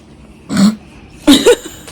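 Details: Three short, rough coughs from a sick young child who says she feels sick, one then a quick pair, over faint room noise.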